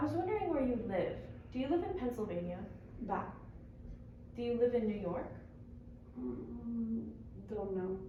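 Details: Adult female speaker (speech-language pathologist); typical speech.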